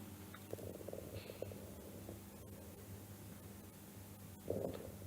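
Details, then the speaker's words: COPD patient with pneumonia. Scattered fine inspiratory crackles are heard along with a brief musical expiratory wheeze: crackles and wheezes. "este paciente, por ejemplo, es un paciente donde se escuchan crepitantes más cibilancias. Este es un paciente EPOC con una neumonía."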